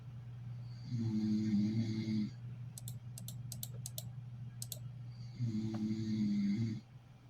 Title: Someone snoring while falling asleep in an office chair